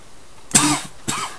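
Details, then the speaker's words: Two short, harsh coughs from an adult man over a low background hum; he says smoking always makes him cough. "Smoking always makes me cough."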